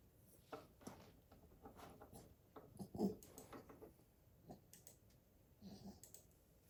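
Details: 8-week-old golden retriever puppy snoring while asleep.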